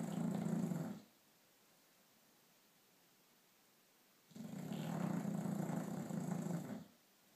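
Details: Sleeping dog snoring: two low, rattling snoring breaths with a quiet pause between them.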